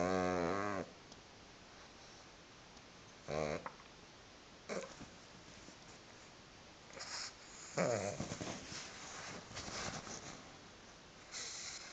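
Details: Sleeping pug snoring: intermittent snorting, rumbling breathing noises with quiet gaps between.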